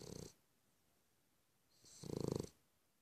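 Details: Cavalier King Charles Spaniel, a small toy-breed dog: two fluttering, rattly snores on breathing in with quiet between them; snoring.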